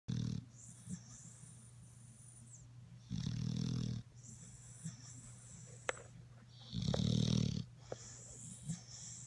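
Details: A sleeping dog, said to snore like its father, gives loud, low, rumbling snores roughly every three seconds.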